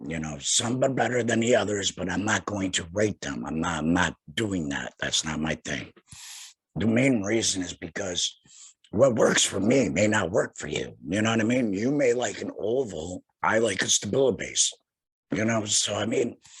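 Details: Tracheoesophageal voice in an adult male laryngectomee about two years after total laryngectomy for head and neck cancer, speaking through a tracheoesophageal puncture voice prosthesis by finger-occluding the stoma HME.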